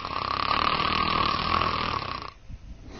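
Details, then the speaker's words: Simulated snoring with flow limitation during sleep from a model: loud, harsh snores whose vibration frequency and loudness rise breath by breath with increased breathing effort, then cut off abruptly; this pattern often leads to arousal. "Breath by breath the frequency of the upper Airway vibration increases along with the loudness of the snoring snoring also increases the effort required to breathe and it can be rather noisy"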